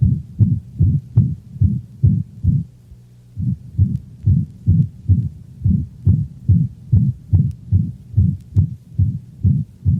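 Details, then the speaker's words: Dog with mitral insufficiency: rapid heartbeat with a loud, prolonged holosystolic murmur obliterating the second heart sound, so each beat sounds like one long whoosh; holosystolic murmur of mitral insufficiency. "the holosystolic murmur is so loud and prolonged that the second heart sound is obliterated giving the impression of only one prolonged sound"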